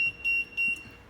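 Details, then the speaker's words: Three short high electronic beeps from an infant incubator (not transport type) when the skin temperature sensor is not attached properly; sensor failure alarm. "Ini sensor F ini terjadi Alarm jika tidak terpasang dengan baik seperti seperti ini contohnya Ini"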